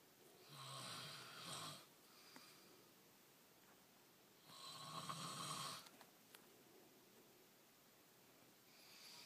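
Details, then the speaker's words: Sleeping mother snoring through the night: two long, loud, rattling snores about four seconds apart, with quiet breathing between, in a small quiet room; snoring. "Uh-oh, she is gonna snore loud. Come on. Uh-oh, she's gonna snore loud."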